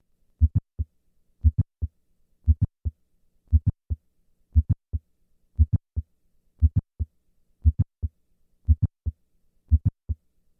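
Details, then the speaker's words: Simulated mitral valve prolapse, murmur removed, slow regular rhythm about 58/min with a crisp mid-systolic click. S1-click interval is 140 ms standing and 200 ms squatting (standing, squatting, standing). Mid-systolic click. "I will start in the standing position where the interval between S1 and the click is 140 milliseconds and then move to a squatting position where this interval is 200 milliseconds"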